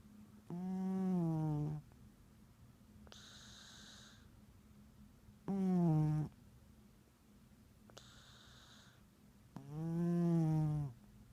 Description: Snoring cat - orange tabby takes a big nap